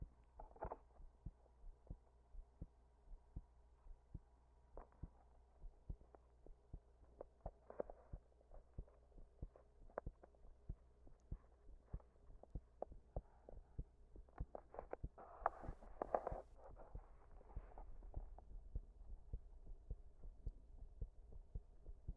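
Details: Heart sounds recorded with pressure while standing against a wall after an all-nighter: sharp beats with uneven spacing, an irregular rhythm consistent with arrhythmia.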